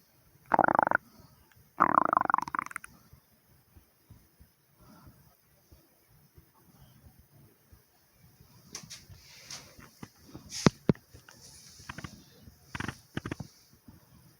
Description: In This Video you hear my heartbeat and my stomach growling.